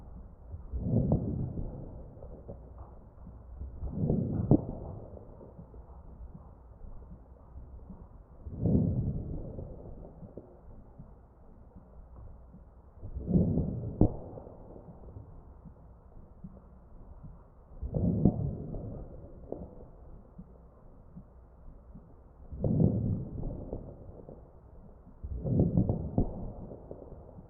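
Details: Crackles over the chest of a mechanically ventilated patient: machine-delivered breaths about 13 a minute, each carrying brief popping crackles.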